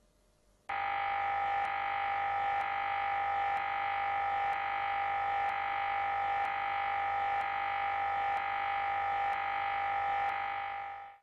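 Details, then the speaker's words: In a children's hospital MRI scan demonstration, a loud, continuous buzzing drone with steady rapid knocking throughout: the normal noise of an MRI scanner during imaging. "once the scan starts the scanner will make a continuous knocking sound which can be quite loud but we'll give you in your child ear protectors"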